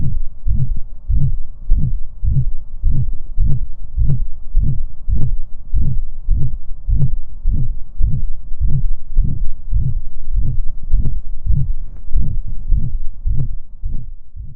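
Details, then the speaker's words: Dog with subaortic stenosis, stethoscope at the aortic valve area: regular low swelling whooshes at about 100 a minute, S1 and S2 not distinguishable; systolic ejection murmur. "this dog has an ejection type murmur that resulted from subaortic stenosis"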